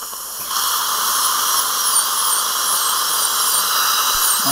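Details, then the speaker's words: Continuous high-pitched whine of a high-speed dental drill with a wavering tone and water hiss, sectioning a horizontally impacted lower wisdom tooth during a live surgical extraction demonstration. "이렇게 올려서 그냥 올려서 자르는 거는 뭐 그냥 부담없이 자르셔도 돼요 왜 어차피 안전하니까 그죠"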